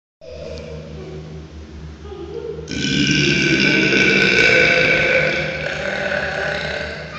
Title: epic burps